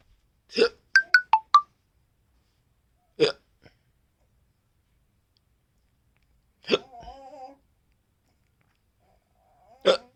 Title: Nko na hiccups😄😀😀😃😅😅🤣♥️